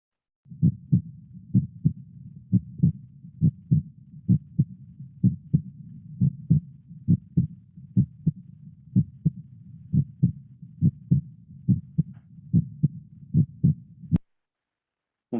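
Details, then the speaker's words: Regular paired low thumps, first and second heart sounds, about 100 beats a minute with no extra sounds; a normal dog heart, in a veterinary teaching example. "tenemos que familiarizarnos con los dos primeros sonidos que a continuación que es un corazón de un perro normal y luego un corazón de un gato normal"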